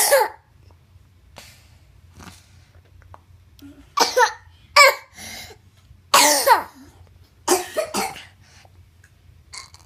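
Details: Child coughing, recorded for a doctor: about five or six separate cough bursts, some with a voiced, hoarse quality.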